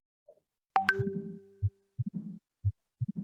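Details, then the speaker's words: Mitral stenosis murmur played in a veterinary heart auscultation class: loud, intensified first heart sound, normal second sound, then a low rough diastolic rumble from turbulence through the narrowed mitral valve. "Ya, ada turbulensi dari atrium ke ventricle. Ya, karena dari lubangnya menyempit, katupnya tidak bisa terbuka sempurna, kemudian dia ada timbul suara di situ"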